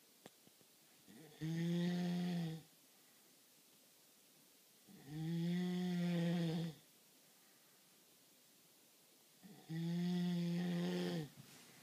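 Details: Sleeping person who claims not to snore: three loud, vibrating in-breath snores separated by quiet pauses, about 14 breaths a minute; loud snoring.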